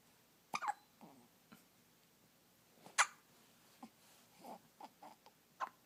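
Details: A first episode of hiccups: several brief, sharp hiccups at irregular intervals within a few seconds, in a quiet room.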